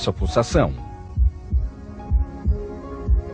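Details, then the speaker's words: Regular low thumping heartbeat at about 62 beats a minute after a brief opening sound, in an anatomy lesson, described as blood striking the artery walls with each contraction; normal resting rate. "cada vez que o coração se contrai o sangue bate nas paredes das artérias e provoca o som característico do batimento cardíaco"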